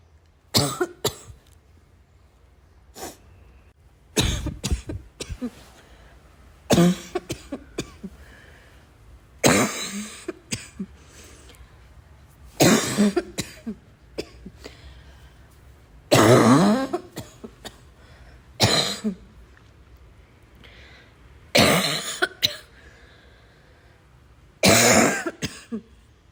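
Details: Adult with repeated harsh, barking coughs and throat clearing, some coughs with a wheezy, tight quality: barking cough with wheeze.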